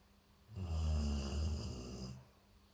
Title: Golden retriever snoring😃|JO🐶|Shorts|AVJvlogs|Kannadachannel|